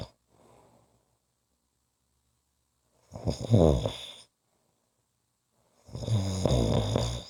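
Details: Two loud, low, rattling snores on the in-breath with quiet pauses between; ordinary snoring.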